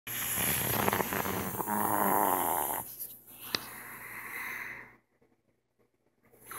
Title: Snoring louder(2)